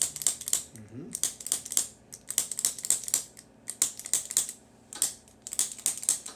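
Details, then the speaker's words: Rapid sharp, snapping clicks in irregular bursts with brief pauses from a chiropractic activator instrument applied repeatedly along an adult man's spine to loosen it; areas described as stiff. "all right this is called an activator i use this just to kind of loosen up the spine"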